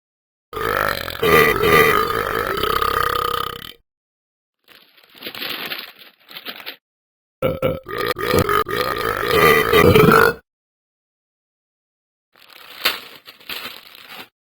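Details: A person burping a lot: two long, loud, drawn-out voiced burps separated by shorter, softer gurgling belches, with silence between them.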